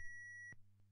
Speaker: shock delivered begin cpr start cpr again as soon as prompted by the aed